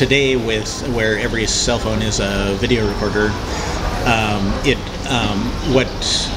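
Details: Cluttering in a man who reports his own disfluencies as interjections, mazing, and repeated words or phrases.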